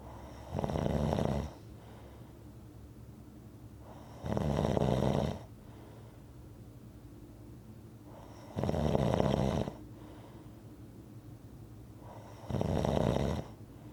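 Four loud, rough snores spaced about four seconds apart, with quiet breathing noise between them; regular rhythmic snoring.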